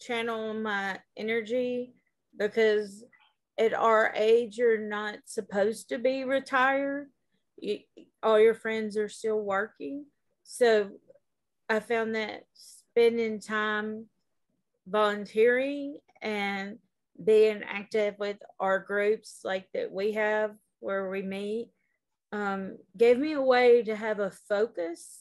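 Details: Adult woman diagnosed in 2018 with frontotemporal dementia with primary progressive aphasia, describing her word-finding difficulty as her brain buffering; speech shows word-finding pauses consistent with primary progressive aphasia.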